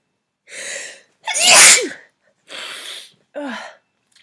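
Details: Adult woman who has been sneezing all day, stuffy, tired and achy, hoping it is allergies but suspecting illness: four sneezes in a row, each a sharp explosive burst with a short voiced cry.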